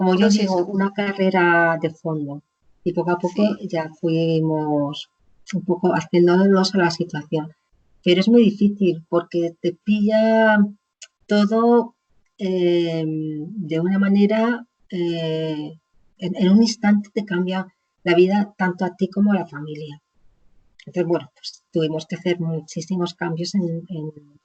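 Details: Aphasia in an adult woman after a stroke; at onset she could not speak at all and gradually regained words through speech therapy; chronic post-stroke aphasia.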